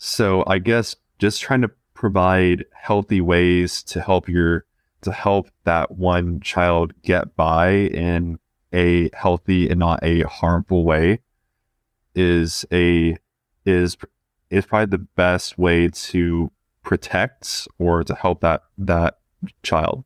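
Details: 20-year-old male who has stuttered since about age two; repetitions audible; stuttering.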